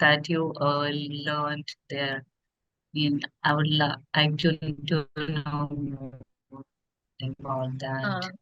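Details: Stuttering in a woman who stammers, speaking as an audience member in a podcast Q&A.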